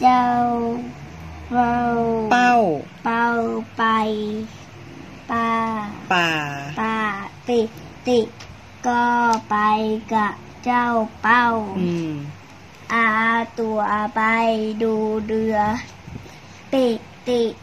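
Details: Young child reading aloud; speech of a child with cochlear implants.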